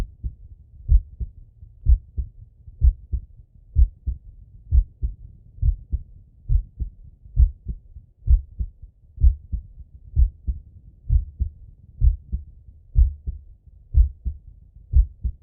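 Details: Regular lub-dub male heartbeat at about 63 beats a minute heard through a stethoscope, with breathing; normal heart sounds.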